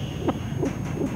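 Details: Rapid soft whooshing beats, about three per second, with a faint steady tone; an unborn baby's heartbeat picked up by a fetal monitor on the RxBox telehealth device.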